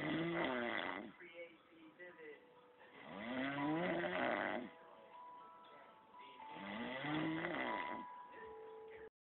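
Loud, rough, rattling breaths with tonal, vibrating parts recur about every 3 seconds, in keeping with snoring.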